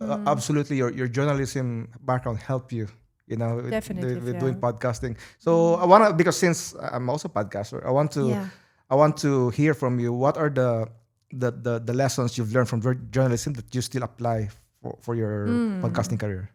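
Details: Stuttering in an adult male who says he always stutters.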